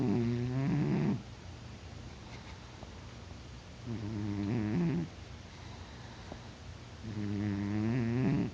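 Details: Deep-sleeping cat snoring with three loud, buzzing, vibrating snores about 3 seconds apart and quiet pauses between; he won't wake despite poking, and grows louder over time.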